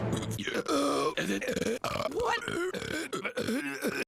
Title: Rick and Morty Season 1 - Just the Burps and the Belches